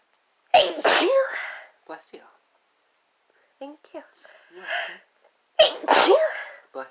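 Two forceful sneezes about five seconds apart, separated by softer catches of breath, fitting a sneezing fit brought on by sneezing powder.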